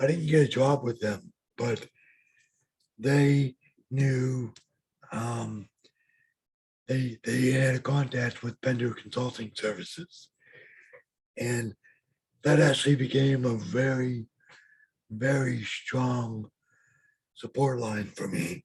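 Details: Adult man with lifelong bilateral severe hearing loss and mild cerebral palsy; speech of a person with severe hearing loss.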